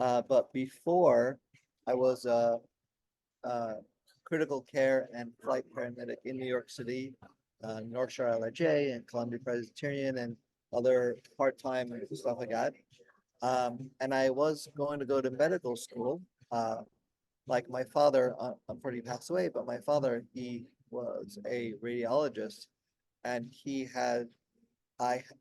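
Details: Aphasia with word-finding difficulty in an adult man, 16 years after a stroke during heart valve surgery; at first he could say only one word for about a year.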